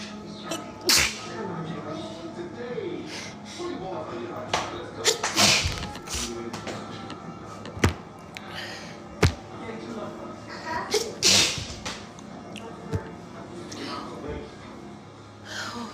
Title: Sneeze attack caused by allergies